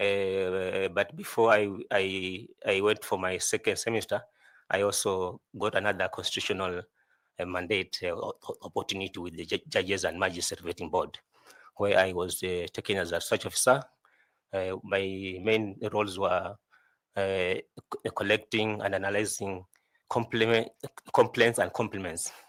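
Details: 41-year-old adult male job candidate who says he stammers a lot; repeated words heard while he answers an interview question; stuttering.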